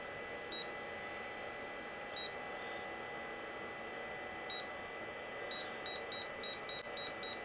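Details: Short high-pitched electronic beeps, a few spaced apart then a faster run, over steady room hiss, from a working 1989 Nihon Kohden 7100K portable defibrillator monitor switched on.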